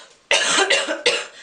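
A short run of three harsh, explosive coughs from an adult.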